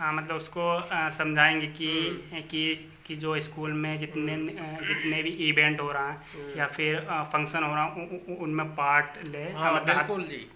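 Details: Hindi-speaking interviewer who stammers; stuttering.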